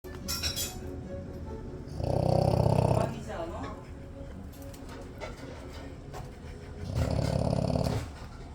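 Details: Sleeping dog snoring: two long, loud, rattling snores about five seconds apart, with quieter breathing between.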